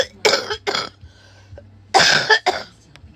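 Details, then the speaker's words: An adult woman with an acute cold, sore throat and nausea gives four harsh, explosive coughs in two quick pairs with a faint breath between. She notes that since a vaginal birth, coughing makes her leak urine. Cough. "And TMI, I always have to close my legs dumb tight when I cough like that cuz if not, I'd pee myself."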